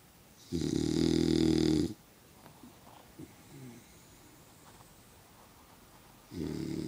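Loud, coarse, vibrating snores lasting over a second each, separated by quiet pauses with faint room sounds: a dog snoring in sleep.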